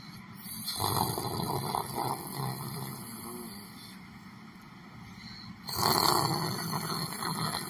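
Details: Rough rattling snores recurring over a steady background hum from a person sitting on a chair asleep in a public library; snoring.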